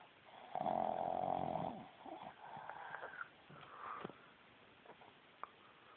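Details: Sleeping Boston Terrier, a small short-snouted dog, gives a loud, rough snore on the in-breath, then softer snuffling breaths: snoring.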